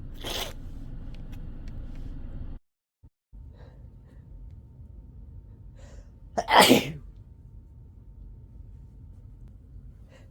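One loud, explosive sneeze with a sharp intake before it, over steady background hum; a softer burst is heard earlier.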